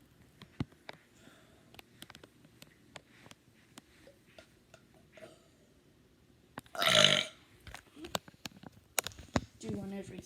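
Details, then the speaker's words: Person burping deliberately for a burping video: a loud, drawn-out burp among scattered clicks and faint background talk; belching. "Ooh, that stunk. Okay. That stunk too. Dang it."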